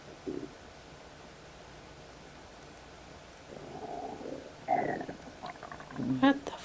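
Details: Woman's stomach shortly after eating a snack of ribs, while on her period: a quiet stretch, then low bubbling gurgles building to a loud squeaky rumble near the end; borborygmi, crazy stomach noise.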